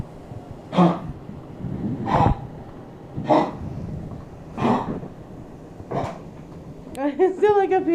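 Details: Bojangles, an animal who seems unwell and possibly dehydrated (owner wonders if he lacked water, hair may be stuck on him): five short, dry, hacking coughs at a steady pace, then a person's voice.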